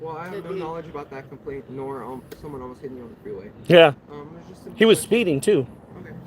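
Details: Adult man speaking outdoors; ordinary conversational speech.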